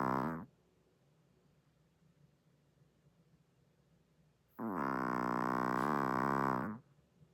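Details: Chihuahua snoring very loudly while asleep, sleeping with eyes open.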